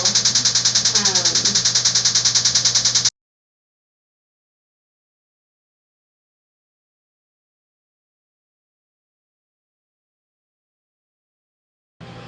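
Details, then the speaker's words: An adult male being treated for depression with transcranial magnetic stimulation reports no pain; about 20 trains are given; rapid regular clicking, about 200 per minute for three seconds: a TMS pulse train. "is there any pain or discomfort no yeah and then um I usually Let It Go about 20 trains so"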